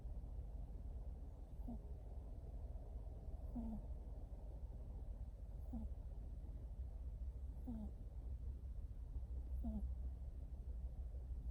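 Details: A sleeping cat, possibly about 4 months old, snores softly and regularly about every two seconds (about 30 breaths a minute) over a steady background hum; harmless cat snoring.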